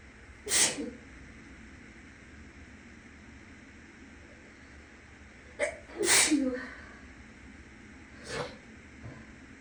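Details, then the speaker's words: Person still a little sick, sneezing freely in an echoing bathroom: three sharp sneezes, the middle one a quick double, over steady fan hum from the next room. "I'm also in the bathroom, so you guys can hear like an echoing effect, so you can, I don't know, have like full surround sound."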